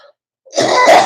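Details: An adult gives a brief faint sound, a pause, then one harsh, noisy throat-clearing or cough burst. The adult mentions upper respiratory distress, attributed to reactions to dust, pollen and smoke.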